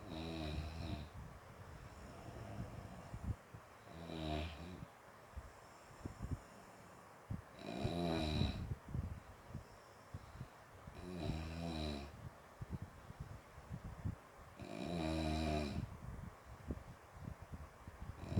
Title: Suara ngorok